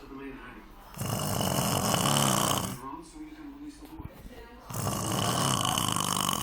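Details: Snoring heard while someone watched a film, continuing even after his nose was squeezed: loud, harsh rattling snores in long noisy bursts with a rough grinding quality; heavy snoring.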